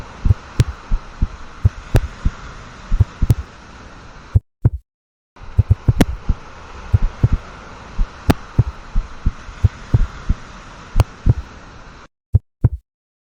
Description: Very Authentic Human Heartbeat Pulsating At 125 Beats Per Minute.